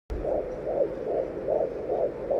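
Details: Fetal heartbeat at 20 weeks of pregnancy picked up with a home fetal Doppler: rapid, regular whooshing pulses at about 150 a minute.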